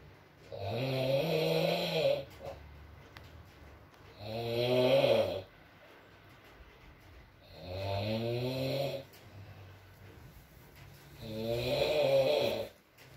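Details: Male snoring in an ASMR sleep recording: four loud, rattling snores on the in-breath, roughly 17 breaths a minute, with quiet pauses between.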